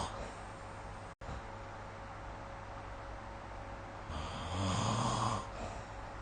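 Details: Snoring during sleep recorded with the SnoreLab smartphone app: a low rumbling snore building on a breath in, over steady room hum.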